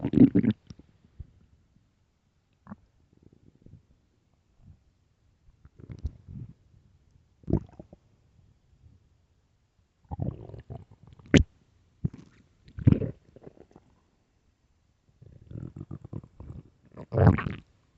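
Intermittent low gurgling and squelching rumbles with quiet gaps: loud stomach growling, a normal sound of gut movement.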